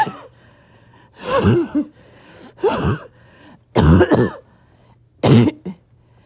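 Four harsh, heavy coughs with brief gaps and a steady background hum; a bout of repeated coughing.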